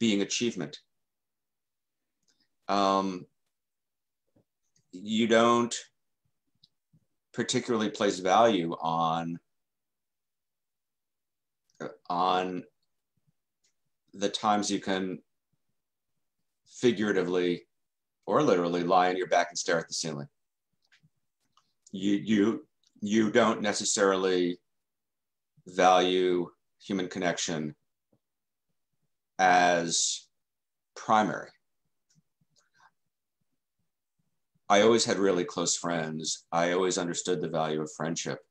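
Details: Stuttering in an adult man who has stuttered since childhood and has been in the stuttering self-help movement since 1992.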